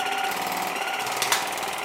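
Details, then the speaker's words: Waterpik WP-100 Ultra dental water flosser (oral irrigator) filled with warm water, switched on with irrigation tip: steady buzzing motor whine with rapid pulsing as water flows; normal device operation. "włączam ką urządzenie warczy w ten sposób jeżeli widzisz woda tutaj leci"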